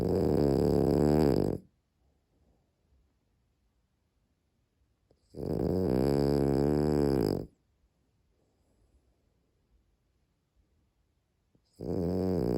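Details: Sleeping dog snoring: loud, rattling snores on each in-breath, about five seconds apart, with quiet pauses between.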